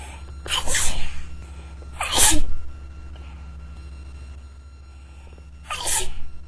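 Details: Three sharp, explosive sneezes into a tissue a few seconds apart, the first two with a quick indrawn breath, over a steady low room hum: ordinary sneezing.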